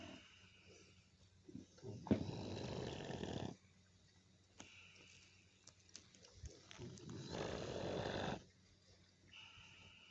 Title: yes hogs do snore.